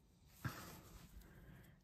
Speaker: if you can hear my dog snoring in the background she's obviously very chilled out today